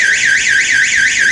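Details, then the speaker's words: AED cabinet alarm sounding when the door is opened during a church AED training session: a loud, continuous high-pitched warbling siren rising and falling several times a second. "Now we're going to come to our AED. I have no idea how loud this sounds, so we're all going to find out."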